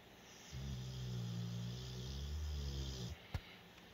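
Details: One long, low, buzzing snore lasting about two and a half seconds, then quiet; ordinary snoring during sleep.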